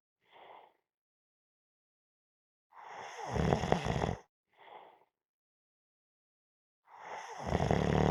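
Loud, harsh snoring inhalations alternating with short soft exhalations, in a slow repeating cycle: heavy snoring.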